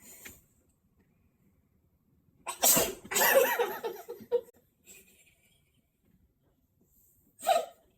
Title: SNEEZE TO THE FACE!!